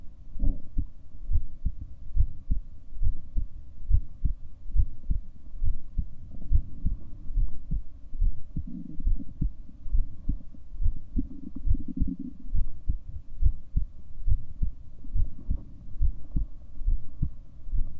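Soft, regular low thumps of a heartbeat over a steady faint hum; a normal heartbeat.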